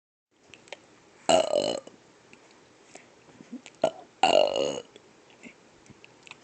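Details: Two long, loud belches a few seconds apart in a quiet room; burping.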